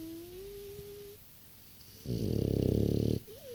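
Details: 6-year-old French bulldog: a single loud, rattling snore with a fluttering vibration through the breath and a faint whine before it; snoring in a short-nosed dog.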